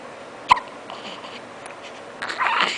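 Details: Baby boy with hiccups: a single short, sharp hiccup in a quiet room, followed by faint soft sounds; ordinary infant hiccup.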